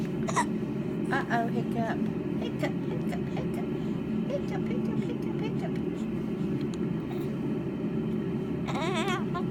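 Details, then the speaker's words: Several brief, abrupt catches of breath through steady loud background noise, a short voice near the end: a 9-week-old baby with hiccups. "Do you have hiccups?"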